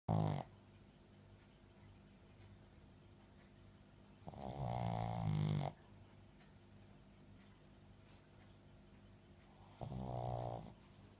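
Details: Sleeping dog snoring through the evening while the TV is on: two long, rattling snores about five seconds apart over quiet room hum.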